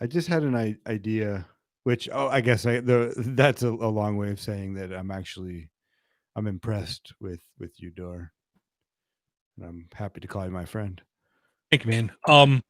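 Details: Adult man, conversational speech; no speech disorder.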